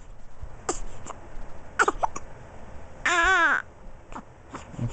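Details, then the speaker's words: 3-week-old infant with hiccups again: brief, sharp catches repeating at short intervals, with one short fussy vocal sound between them. "Whoop. She got the hiccups again. Oh, bless you. Bless you. Oh, you got hiccups."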